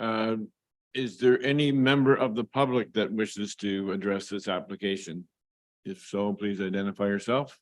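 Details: Adult male speaker; ordinary speech.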